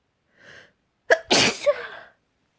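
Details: Loud forceful sneeze with a quick inbreath and a voiced tail, from a person back home after working with wood and dust; the sneezes became wetter around three minutes in.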